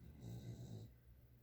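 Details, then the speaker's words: One soft, low snoring breath from a sleeping dog, faint against room noise while someone talks and crafts nearby; ordinary snoring. "glue this down I don't know if you can hear the dog snoring"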